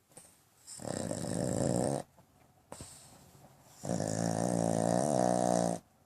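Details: Pug dog sleeping with eyes open in bed: loud, rough, rattling breaths with a buzzing tone, two long snoring cycles in six seconds; flat-faced dog's noisy airway snoring.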